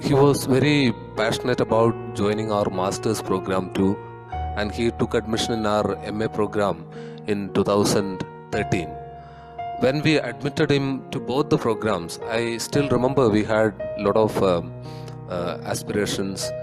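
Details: Adult male speaker; normal speech.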